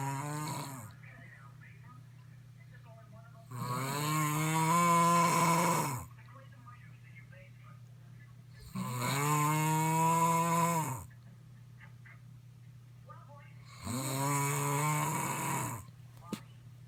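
Loud, rough, rattling snores on each breath, about 12 breaths a minute, with quiet gaps between: heavy snoring in sleep.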